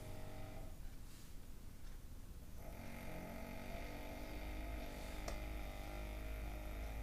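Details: Adult snoring during sleep: low, rough rumbling sounds throughout over steady room noise.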